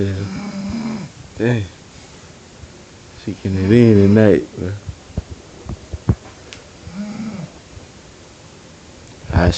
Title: My wife tired snoring .Its a bear in my bed